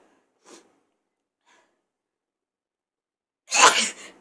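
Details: A soft catch of breath, a pause, then one sharp, loud sneeze in a quiet room.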